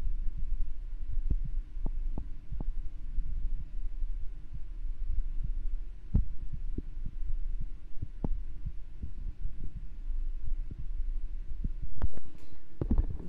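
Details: A streamer's own resting heartbeat recorded for an ASMR stream: regular low heart thumps at an ordinary resting rate over a steady hum; a normal heartbeat.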